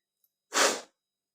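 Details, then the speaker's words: A woman's sneezing challenge, with sneezes provoked by poking her nose with a matchstick until her eyes watered. A single short, explosive sneeze burst with no audible lead-in inhalation. "Five sneezing हो गया। तो आप लोगों के लिए मैं sneezing video किया। सिक्स हुआ। ये ऑटोमेटिक हो गया।"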